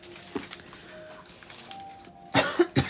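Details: Pregnant woman with a persistent cough she describes as a pregnancy symptom; a couple of short, dry cough bursts after quiet room noise and faint music.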